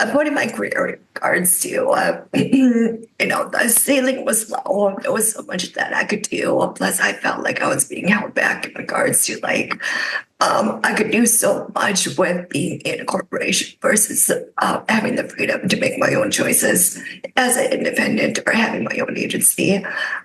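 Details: Adult woman with spasmodic dysphonia caused by neck trauma about 5 years ago, unable to speak for about 2 years, now treated with Botox injections into the neck that help but do not cure; spasmodic dysphonia.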